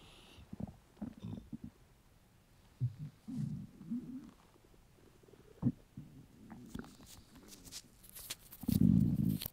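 Low rumbling gurgles coming in bursts, ending in a louder deep growl; normal hunger rumbling of the stomach.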